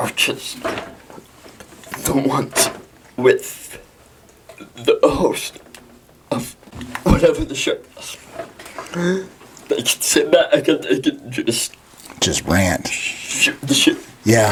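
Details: Dysarthria in a 23-year-old man with cerebral palsy.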